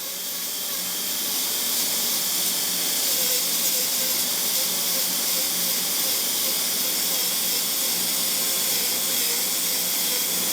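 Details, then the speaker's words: High-speed dental handpiece with bur finishing a cervical margin and the axial wall of a fixed-prosthesis tooth preparation, in a teaching demonstration: a continuous high-pitched hiss and whine with water spray. "e também dou o acabamento aqui na parede axial, dando a primeira inclinação e segunda inclinação. Faço todo o acabamento com essa broca."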